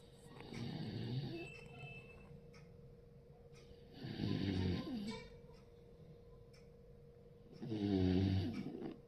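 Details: Snoring.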